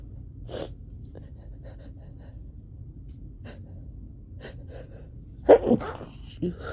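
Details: Short sniffs and catching breaths, then a sudden burst of sneezing, from a person with a summer cold who could not stop sneezing, at its worst.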